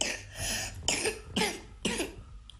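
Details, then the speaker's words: A child's harsh cough in four quick, knocking bursts with slight phlegm, from a virus affecting the vocal cords: productive viral cough (laryngotracheitis). "Bu da böyle tok tok vuruyor arka Evet. arkaya. Burada birazcık şey hissediyorsun değil mi? Balgam mı Hafif var bir bunda? balgam var."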